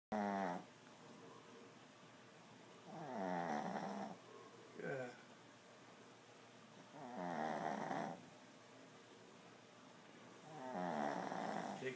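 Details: 8-year-old male settling for the night after a 2-mile walk and half a steak: loud, fluttering snores on each breath, about 17 a minute, with brief nearby talk at the end; snoring.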